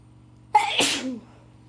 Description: Today was probably the worst day of my cold making for some epic sneezy moments.